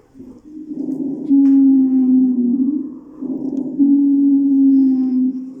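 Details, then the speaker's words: Two long, high-pitched musical whistling tones across breaths: a mainly expiratory wheeze from bronchospasm in narrowed small bronchi, higher-pitched than rhonchi and unchanged by coughing. "ibilante A diferencia de roncus es un sonido más agudo y es básicamente expiratorio se va a producir en los bronquios de pequeño calibo"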